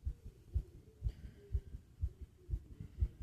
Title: Fast Heartbeat And Heavy Breathing Sounds #subscribe #heartbeat #asmrsounds #fast #breathing